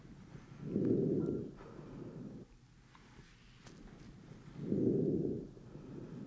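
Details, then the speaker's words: Normal vesicular breath sounds: soft, low rushing sounds rise and fall, heard over the back with an Eko electronic stethoscope as the patient takes deep breaths through the mouth during an OSCE-style GI physical exam demonstration. "all right I'm going to listen to your lungs in the back take a big breath in and out through your"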